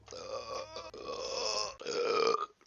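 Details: Male streamer burping during a stream: a long, loud, rumbling belch in three voiced sections lasting under three seconds, swallowed air coming back up.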